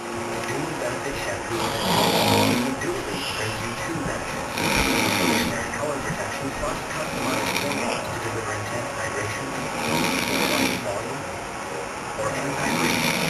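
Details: Man performing snoring in a staged comedy sketch: loud, rough, somewhat irregular snores about 22 a minute over steady background noise.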